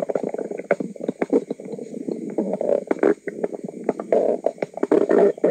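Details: Woman's own stomach recorded: near-continuous low gurgling and rumbling with bubbly pops, gas and fluid moving through the gut; bowel sounds (borborygmi).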